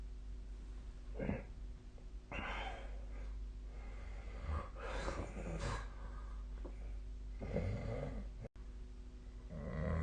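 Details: Sleep recording with the SnoreLab snoring app: irregular, noisy adult sleep breathing with rough snorting breaths over a steady low room hum; snoring.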